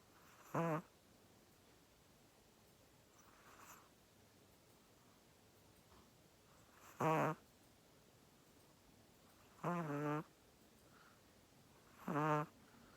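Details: Snoring during sleep: short, rattling, fluttering snores recurring irregularly, about four in thirteen seconds, with quiet between them in a still room.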